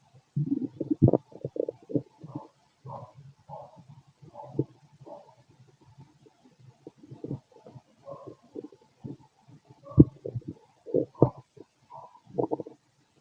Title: Fit male stomach growls, wonder how it looks inside 🫣